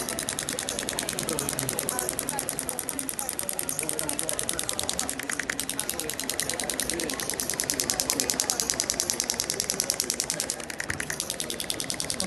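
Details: Olympic athlete with tight thoracic spine and reduced right-shoulder motion: shockwave (ESWT) applicator on a tight patch over the posterior deltoid; rapid, regular clicking pulses about 150 a minute, a steady tapping rattle.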